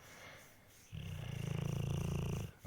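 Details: Pit bull dog snoring while asleep, loud enough to keep others awake: a low, fluttering rumble on a long breath through the nose and throat.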